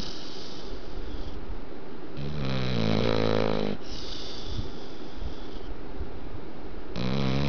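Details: Loud snoring from a sleeping Pit Bull: a long, rumbling, fluttering snore, then another starting as the clip ends, over steady background hiss.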